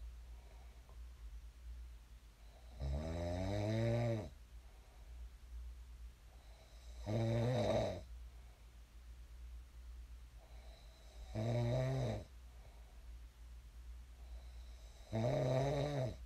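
Rattling snores on each inhalation, about 15 a minute, with quiet gaps and steady low room hum; typical snoring.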